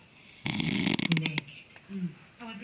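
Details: 40-year-old man snoring after falling asleep around 8:45; a loud, harsh, fluttering inhaled snore followed by softer breathing noises.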